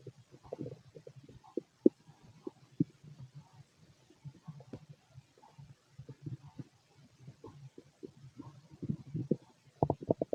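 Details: Adult male's stomach during ordinary digestion: frequent low gurgles and bubbling rumbles, clustered and irregular; normal active bowel sounds, stomach growling.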